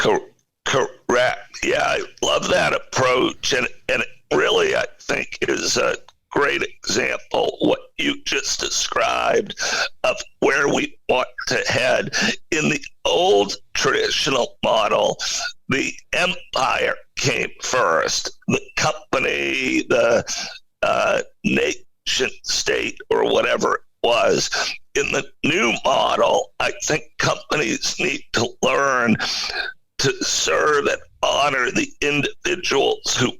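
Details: Adult male CEO with spasmodic dysphonia, a rare neurological voice disorder affecting only speech, with no known cause and no known cure; acquired in 2010, when using his voice suddenly became hard; finding: spasmodic dysphonia.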